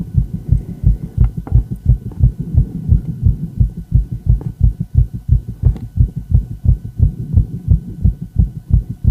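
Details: Fast, steady lub-dub heart sounds with regular rhythm from a female heart, recorded alongside an ECG: a rapid heartbeat (tachycardia).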